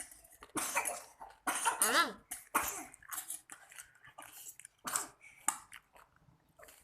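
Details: Young child with a cold and runny nose, fussy: coughs several times, partly wet, mixed with fussy crying sounds; cough with a cold.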